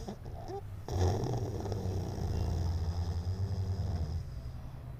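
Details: Labrador retriever puppy in deep sleep in mother's arms: continuous deep, fluttering rumble, loud snoring.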